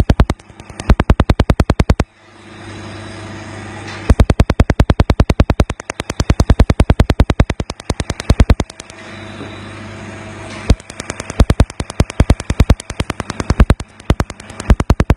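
Rapid sharp snapping clicks, about two to three per second, in bursts separated by a steady hum: laser pulses during tattoo removal.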